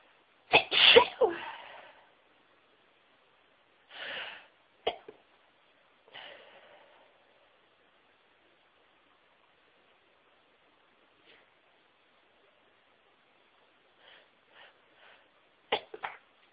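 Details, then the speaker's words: Deliberately recorded variety of sneezes, including high-pitched, normal, stifled and into-tissue sneezes: several sneezes of varying force, some full and explosive, others stifled and muffled, with quiet gaps between; sneezing. "Two. Oh, I need to sneeze. Chew. Excuse me."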